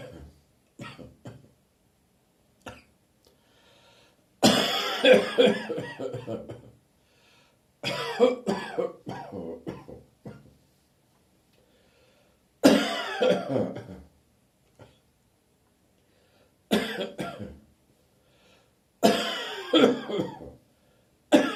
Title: Throaty Damp Autumn Morning Cough